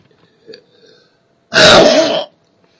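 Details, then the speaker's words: Person belching voluntarily without drinking soda: a faint sound, then one loud, sustained rough belch lasting under a second; a single burp. "so I want to show you guys how I can burp yeah it's I'm not that good today just quite interesting but it's good I guess so I don't even need pop to do it"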